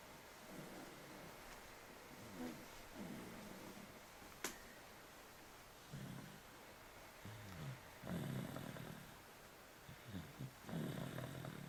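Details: A person snoring in their sleep: soft, low, rumbling snores in uneven bursts in a quiet room, with a sharp click partway through.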